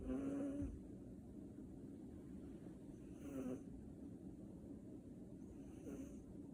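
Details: Sleeping cat that often snores: soft, regular snoring about every three seconds, with a faint background hum.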